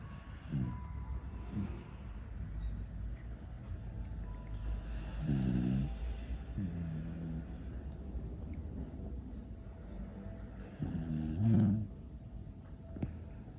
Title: snoring puppy